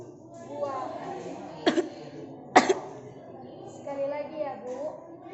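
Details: Simulated nursing-skills practice of effective coughing and sputum collection: the client is told to breathe in, hold the breath, then cough twice to clear the airway. Two deliberate coughs after a breath hold, with quiet talk around them.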